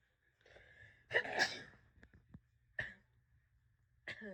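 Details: Person severely sick with COVID, first thought to be flu, sneezing: a quick intake of breath, one sharp sneeze, then a few short sniffs and breathy sounds in a quiet room.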